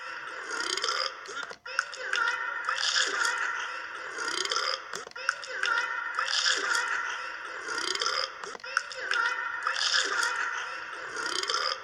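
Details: Eructation in a dingo: repeated throaty, gurgling burps, an ordinary release of swallowed air from the stomach.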